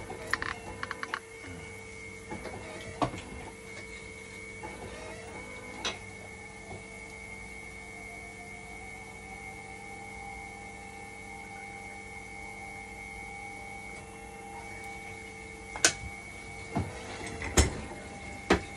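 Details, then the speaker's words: Hemodialysis machine run in dialysis mode to test a failing 5-volt level detector: steady hum with constant tones, a slowly rising whine, and scattered clicks and knocks. "Papatakboy muna natin ito ng dialysis. So, ngayon, itetest ko."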